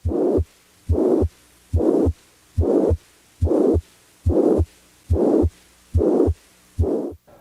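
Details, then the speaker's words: Teaching demonstration of a plateau murmur: a regular heartbeat of about 71 per minute with a steady murmur of the same intensity throughout, filling the gap between heart sounds. "a plateau murmur has the same intensity"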